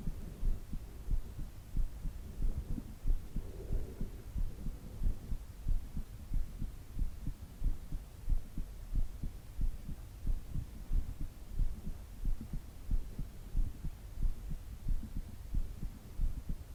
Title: Heartbeat sounds for relaxation